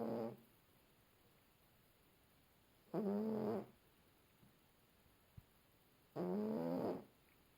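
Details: A sleeping cat snores with three short buzzing breaths at about 18 a minute and quiet pauses between them.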